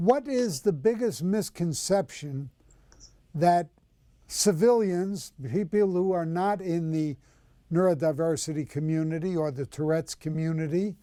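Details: Adult speaker; normal speech.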